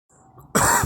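A single sharp, harsh cough bursts out after a moment of near silence.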